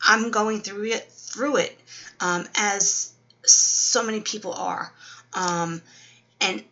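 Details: Adult woman 12 weeks after a stroke, with Wernicke's aphasia and apraxia; word-finding difficulty, worse when tired.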